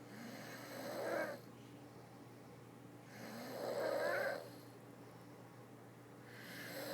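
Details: Snoring: slow, rhythmic rasping snores on each breath in, about 20 a minute, with quiet pauses between, in a quiet room; ordinary snoring.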